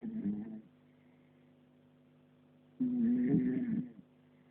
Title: Snoring puppy